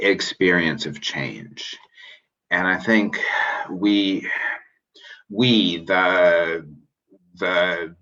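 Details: Real stuttering in an adult male aerospace engineer who self-identifies as a person who stutters.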